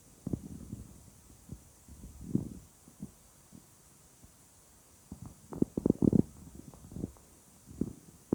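Quiet irregular gurgles and low rumbles with louder bubbling bursts; stomach rumbling (bowel sounds).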